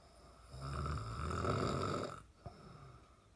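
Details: Father snoring: one long, low, rattling snore on the in-breath, followed by a quieter out-breath.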